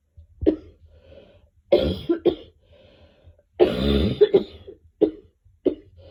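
An adult coughs in short bursts, about six coughs over six seconds, with quiet breaths between.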